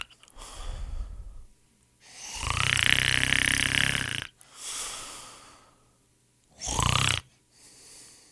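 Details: Loud, harsh rattling snores on inhalation with quieter breaths between, from a royalty-free sound-effect compilation of people snoring.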